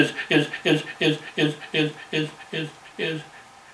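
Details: 67-year-old man demonstrating how he used to stutter on his own name when younger, possibly exaggerated; stuttering (imitated).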